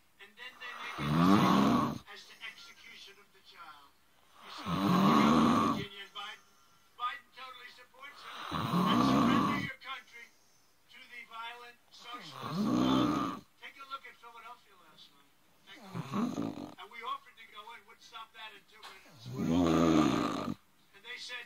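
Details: Loud, rough, fluttering snores on each breath in, about 16 a minute, with quiet gaps between, from a person filmed by a friend while asleep; typical snoring during sleep.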